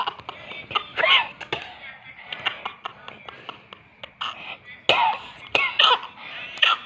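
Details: Baby laughing uncontrollably: bursts of laughter and squeals with a few light coughs mixed in; mild coughing set off by laughter.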